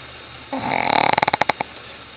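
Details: Sleeping female Shih Tzu snoring loudly: a single rattling snore with a rapid fluttering buzz on the in-breath, lasting about a second.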